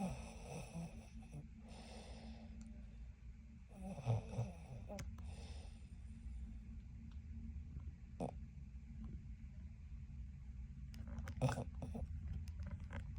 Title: When your girlfriend snores loud. Lol.